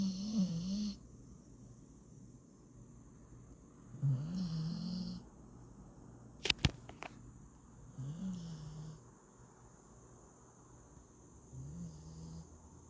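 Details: Sleeping female Staffy (bully breed) rescue puppy snoring: low, wavering snores on the in-breath, about one every four seconds, in a quiet room.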